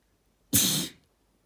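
One sudden, hissing burst of air lasting under half a second, typical of a sneeze.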